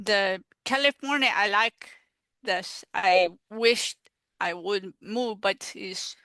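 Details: Real adult woman, a stroke survivor living with post-stroke aphasia, speaking in an interview; aphasia.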